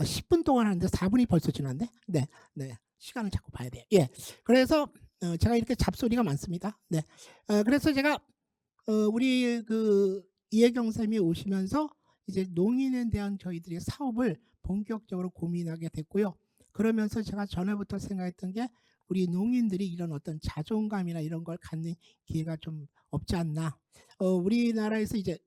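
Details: Adult speaker; Typical speech.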